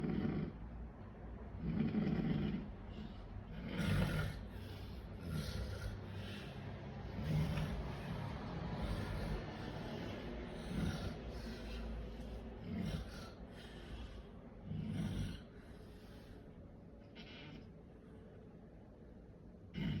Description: Have you ever heard someone snore so loud, outrageous